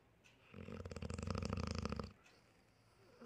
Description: Dog Snoring - Funny